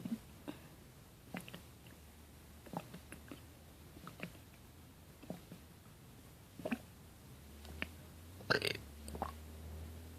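Repeated short, abrupt gulping hiccups at irregular intervals, about a dozen over ten seconds, some with a small voiced catch.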